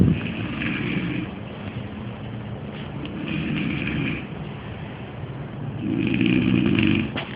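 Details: An adult snoring very loudly at 4 a.m.: loud, rough, rumbling snores rising and falling with slow breathing, about three breath cycles heard, ordinary heavy snoring.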